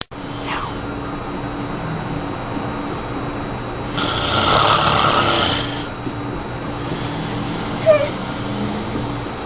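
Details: One frighteningly loud snore.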